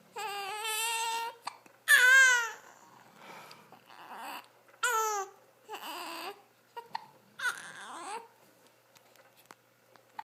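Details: Infant crying: several short whimpering cries and fussy vocal bursts with pauses between, possibly with hiccups; the baby often has hiccups.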